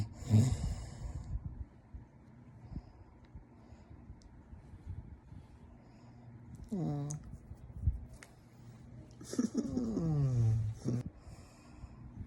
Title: Husband Snoring ❤️❤️❤️